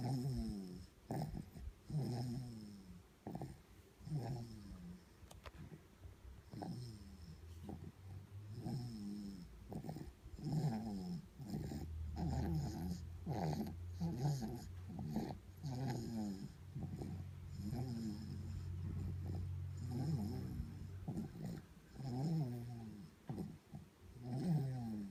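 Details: A sleeping baby girl snores with repeated low, rough, rattling sounds over rapid breaths.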